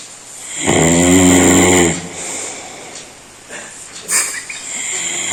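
One very loud, deep, rattling snore lasting over a second, then softer breathing noise and a brief snort. Loud snoring.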